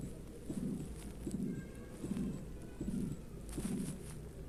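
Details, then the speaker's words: Aortic stenosis: a high-pitched, loud ejection click, then a systolic ejection murmur is added after the click; regular heart sounds near 78 a minute; a sprinkler-like noise is an artifact. "y se escucha el clic eyectivo. Se escucha de tono alto, o sea, es fuerte. Pero aquí en la siguiente parte del audio van a ver que se añade un soplo."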